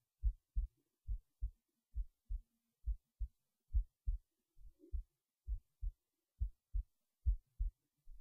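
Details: heartbeat recorded while resting in bed late at night before sleep; regular paired low thumps at roughly 55 to 60 beats a minute, quiet background; normal heartbeat.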